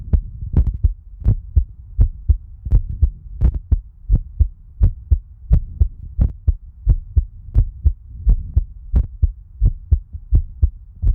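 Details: Heartbeat recorded by someone whose eye is infected and swollen: strong regular lub-dub thumps at about 85 beats a minute over a low steady hum; ordinary heartbeat.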